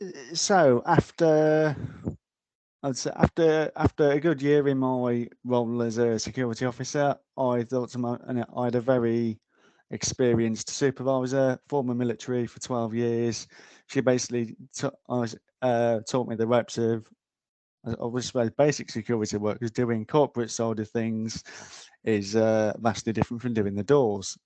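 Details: Adult male security officer with a stammer, which he says occurs mainly under pressure; stuttering (stammer).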